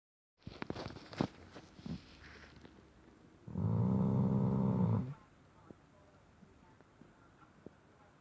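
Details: Shar Pei dog asleep at the bottom of a bed, snoring loudly all night: a loud, low, rumbling snore lasting over a second, with fainter snuffling breaths around it in a quiet room.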